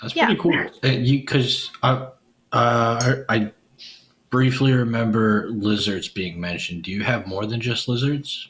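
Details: Adult male; Ordinary speech.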